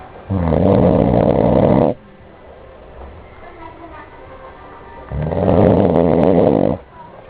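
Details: Person snoring: two long, loud, rattling snores about five seconds apart, with quieter breathing between; heavy snoring.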